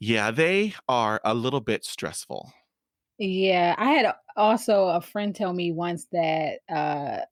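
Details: Adult woman who has stuttered since she began to speak, around age four or five; stuttering.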